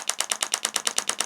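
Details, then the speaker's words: A Swiss-made radial extracorporeal shockwave device, described for body-fat reduction and contouring of arms, hips and thighs, fires rapid loud sharp clicking pulses, about nine per second; loud but painless treatment. "Even without pain, it's a bit loud, but no pain. You don't have to worry at all. The sound would be a bit crazy, but no pain at all."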